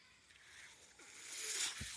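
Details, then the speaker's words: Ventilator audible behind the user's own speech while he records a Star Wars podcast; a soft airy hiss builds to a louder whoosh, then a dull thump as it delivers a breath. Mechanical ventilator sound. "Hello everyone. My name is. That noise you're hearing is my ventilator."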